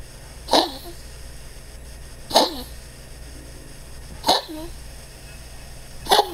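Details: Dog with collapsing trachea and enlarged heart pressing on the trachea on X-ray, on day two of transfer factor, tired: four short, harsh coughing bursts about two seconds apart; vet attributes cough to heart plus tracheal collapse.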